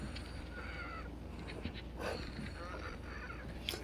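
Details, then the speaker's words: Squeaky, whistling wheezing with audible chest tightness over background noise, from a female totally out of breath after only a couple of exercise movements; wheezing after exertion. "and now she's totally out of breath and wheezing, and I can hear a"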